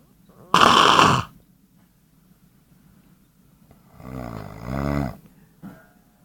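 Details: Snoring.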